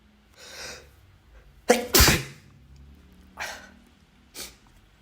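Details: Sneeze from a compilation marked (M): sharp inhale, then a forceful sneeze with smaller breathy sneezes or exhales around it.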